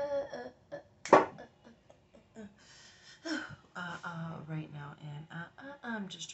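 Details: Vocal tics during a tic attack in an adult woman: abrupt voice bursts, a sharp loud yelp and clipped noises interrupting broken, halting speech-like sounds.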